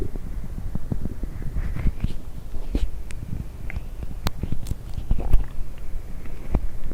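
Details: Stomach rumbling after drinking coffee and Diet Coke: continuous low rumbling with many small popping gurgles over steady noise, loud borborygmi.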